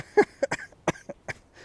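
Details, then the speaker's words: Adult with a lingering illness that began around Wednesday morning, after a trip where he also had altitude sickness: a quick run of several short, dry-sounding coughs against faint background noise. "yeah I'm also kind of sick can you hear that cough it's a lingering cough I came down with something when I was out there started hitting me probably around Wednesday morning"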